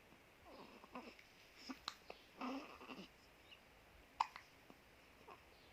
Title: the hiccup baby